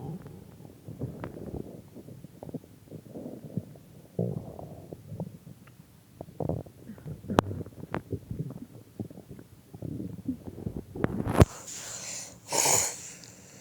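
Low gurgling rumbles and bubbling come and go for several seconds: stomach growling, the normal sound of gas and fluid moving through the gut.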